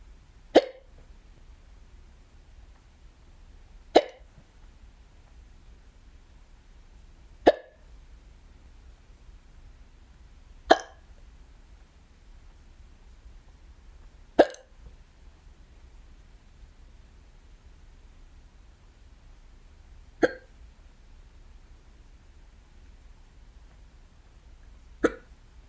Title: I got the hiccups UwU